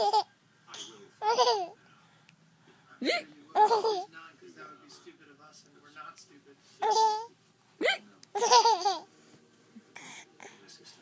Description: He couldn't stop laughing at my hiccups.